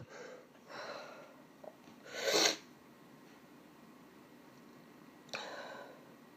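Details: Female stifling sneezes, with limited success: soft breathy inhalations, then a muffled, suppressed sneeze burst and a later smaller one.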